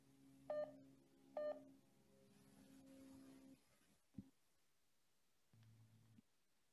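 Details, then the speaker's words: Two lower-pitched beeps from a pulse oximeter using tone modulation, where the lower pitch signals an SpO2 of 85 percent, indicating hypoxemia. "changing tones with changing spo2 is called tone modulation it sounds like this for an spo2 of 100 percent and it sounds like this for an spo2 of 85 percent"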